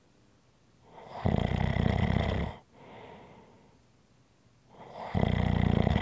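Two loud, rattling inhaled snores with a softer breath out between them, about one cycle every four seconds: snoring.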